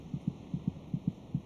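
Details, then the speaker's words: Fetal heartbeat, around week 26 of pregnancy, heard from the mother's abdomen: rapid, regular paired soft thumps at about 150/min, about twice the mother's rate. "Is it kicking? It's quite loud. The fetus's heart beats about twice as fast as a mother's."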